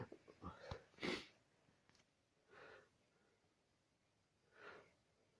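A sharp burst near the start followed by two softer breathy sounds, consistent with a sneeze and after-breaths.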